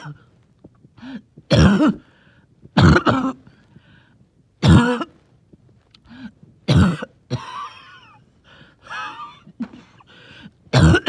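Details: Several deep, wet coughs with rattly breaths and faint whistling between them; wheezy, phlegmy productive cough.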